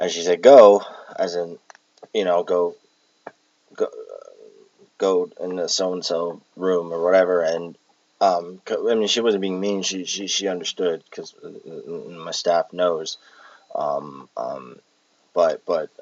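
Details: Adult with Tourette syndrome with echolalia and palilalia traits, recorded while exhausted; palilalic word repetitions and vocal tics affecting speech.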